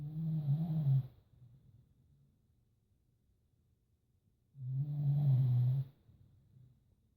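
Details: Two loud, low rattling snores several seconds apart with quiet breathing between, from a sleeping dog; dog snoring.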